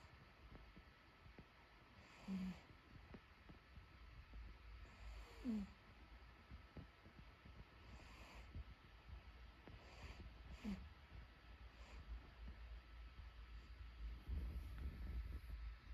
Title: The princess cat sleeping and snoring happily through the day